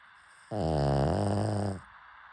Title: Cuteness PUG snoring sounds!!❤️😂 #funny #pug #pets #labrador #dog